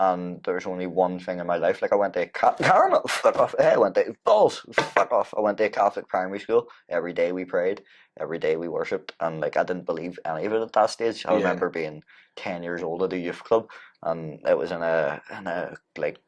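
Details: Man with Tourette syndrome, diagnosed at 16 as a chronic motor and vocal tic disorder; his vocal tics include shouting and swearing; Tourette syndrome vocal tics.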